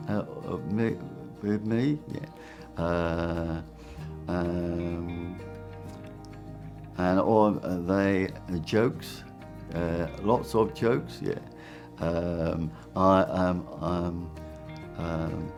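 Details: Person with severe aphasia after a stroke, with hesitant speech and many fillers; non-fluent aphasia.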